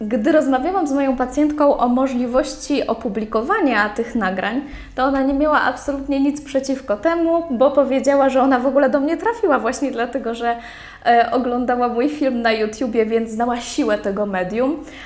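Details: Adult woman speaking Polish; normal speech.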